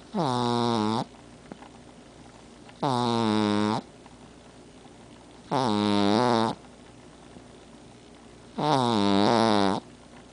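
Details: Female pug asleep on the owner's chest, giving a nasal, whistling snore on each breath, four in ten seconds, with quiet pauses between. Snoring in a short-nosed dog.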